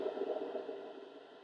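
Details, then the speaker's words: Audible EMG from an adult's own palmaris longus forearm muscle during light contraction lifting the hand: rough, crackling buzz of motor unit action potentials of varying amplitude, fading as effort eases. "the analog amount of force necessary to lift my hand gets converted into a specific rate pattern of action potentials in the muscle necessary to live in a hand and so you can see that those compound muscle action potentials are of varying amplitude and have pretty specific firing"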